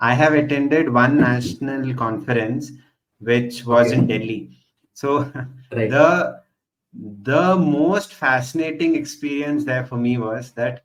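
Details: Man who stutters, speaking spontaneously as a podcast host, with repeated phrases; stuttering.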